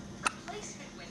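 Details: A single sharp, brief hiccup from a newborn girl less than one month old, with a softer sound after it in a quiet room.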